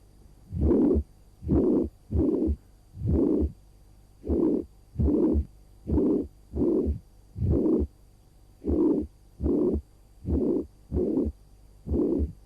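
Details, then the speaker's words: Auscultation at the apex, about two fingers lateral to the left midclavicular line: irregular rhythm near 65–70 a minute, weakened first heart sound, blowing murmur filling all of systole; pansystolic murmur. "Irama jantungnya irreguler bunyi jantung satunya melemah terdengar bising pada fase sistolik memenuhi semua fase sistolik sehingga kita sebut sebagai panistolic merm"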